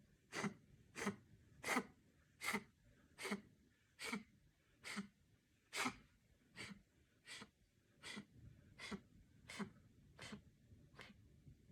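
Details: About fifteen short, sharp coughs in a steady run, roughly one each second, gradually getting softer in a small quiet room: repeated coughing.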